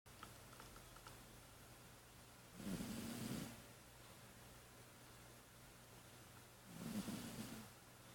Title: Kitty cat snoring ,He has asthma￼